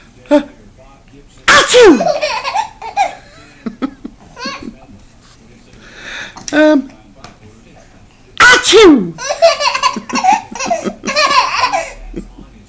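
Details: Two loud, exaggerated fake sneezes by a grandfather, each followed by a 9-month-old baby's delighted laughter; simulated sneezing, not real.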